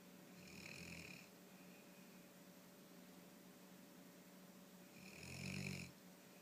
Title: Hershey with Duckie - Snoring